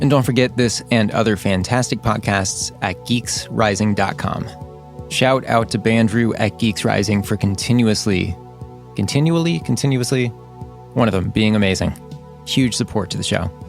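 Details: Adult male speaker; normal speech.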